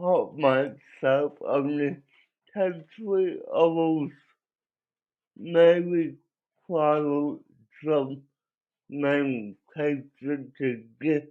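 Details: Adult man with cerebral palsy; dysarthria.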